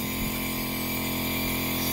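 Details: Portable compressor nebulizer for adults and kids, with mouthpiece attached, used by an owner with seasonal allergy and asthma; steady motor hum with a constant buzzing drone after the power switch is flipped on.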